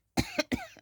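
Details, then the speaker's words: Adult with asthma not using prescribed inhalers, coughing while talking; the cough is attributed to the asthma acting up. "excuse me guys my asthma cough that cough that you hear when when you hear it that is my asthma acting up"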